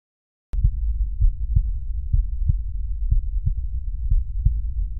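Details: Regular paired low thumps, about 62 a minute, heard with a stethoscope at the mitral focus (apex, left midclavicular line, fifth intercostal space) in a teaching demonstration: normal first and second heart sounds.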